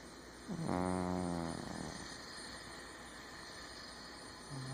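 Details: A sleeping cat gives one soft, buzzing snore on the in-breath, then quiet breathing, over a steady background hum; cat snoring.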